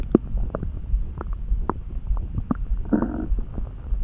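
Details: Bowel sounds (borborygmi) that came on suddenly, neither hungry nor too full, felt in the pit of the gut and easing after a snack: low gurgling rumbles with scattered pops and a brief bubbling run.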